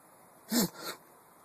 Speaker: Yeah, so is that a sneeze or what?